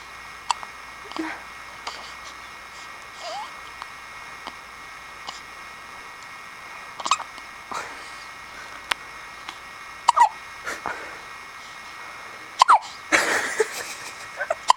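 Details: 1-week-old baby girl with hiccups for almost a minute, louder and higher-pitched with a finger in her mouth: brief, sharp, irregular hiccups, about two dozen a minute, with soft adult voices.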